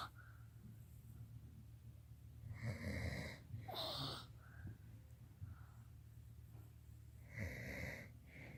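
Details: Three rough, rattly snore-like noises over a low room rumble, from a child copying an adult's snoring rather than true sleep snoring; imitated snoring.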